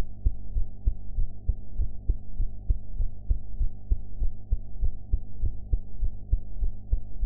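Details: Own heartbeat recorded after eating, with sound quality enhanced: regular, fairly quick heartbeat at about 98 beats a minute, deep thuds over a steady low hum; heart sounds.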